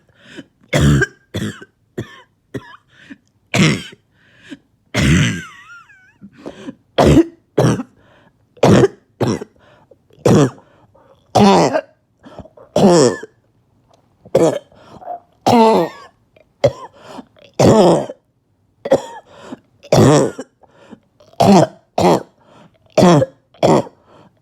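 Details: Repeated harsh barking coughs in rapid bursts, about thirty over twenty-four seconds, in a quiet room, from a cough that has allowed about two days without sleep; barking cough.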